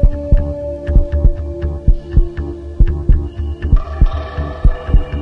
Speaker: bizim kalp atışı olarak adlandırdığımız sese sanıldığı gibi kalbin kasılıp gevşemesi sonucunda çıkan ses değildir kalbin atışını dinlerken Aslında bu dört kapakçılar şimdi açılıp kapanma seslerini duyarız